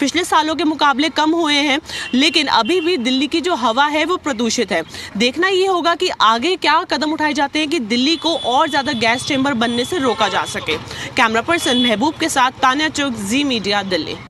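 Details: Adult woman speaking Hindi; normal speech.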